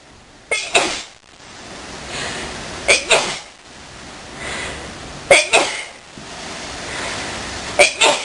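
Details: During a nap, with coughing also noted: four bouts of paired sharp sneezes, each a quick double burst, about every two and a half seconds, with soft breathing between; sneezing.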